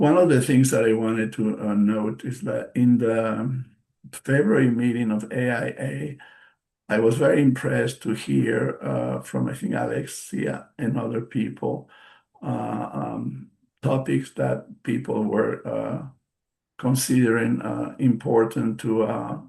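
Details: Post-stroke aphasia in an adult male stroke survivor, a non-native English speaker, speaking English: aphasia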